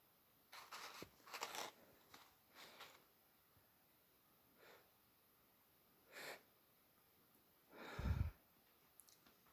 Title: a sneeze